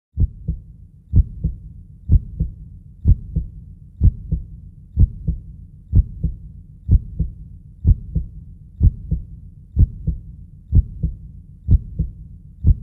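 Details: Steady heartbeat at about 62 beats a minute, each beat a clear paired lub-dub thump.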